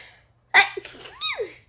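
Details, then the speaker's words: Woman gives a single sharp explosive sneeze followed by a short breathy vocal sound; a small sneeze she apologizes for. "and sorry about that guys I just sneeze please don't make fun of my little sneeze"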